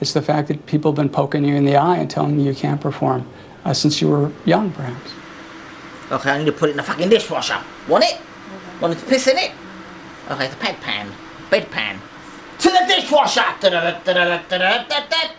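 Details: Adult man from London with severe Tourette syndrome ('super Tourette's'), diagnosed at 13, with involuntary vocal outbursts and obscene utterances during a phone call; vocal tics with coprolalia (Tourette syndrome).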